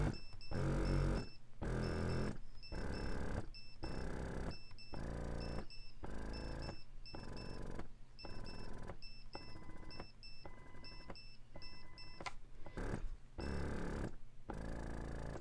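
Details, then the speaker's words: Spectra Synergy Gold double electric breast pump in expression mode at its loudest setting, external mic aimed at pump amplifying sound: loud rhythmic motor pulses with whirring, about 54 cycles a minute. "as you can hear there's a noticeable difference between cycle rates and noise level so that's a look at the noise of the synergy gold"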